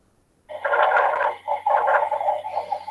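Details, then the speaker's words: Coarse, rumbling snore-like sounds, mostly inspiratory: rhonchi from air passing airways obstructed by thick secretions, which typically clear after coughing and occur in bronchitis; teaching example in a pulmonary exam lesson. "algo característico de los roncos es que desaparecen después de que el paciente tose y se pueden presentar en caso de un ataque o bronquitis o una bronquitis ya entonces como se escucha el ronco"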